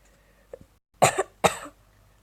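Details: Two short, harsh cough bursts after a faint throat sound in a quiet room, from a girl who says she is slightly ill with a cold and runny nose, while playing Minecraft.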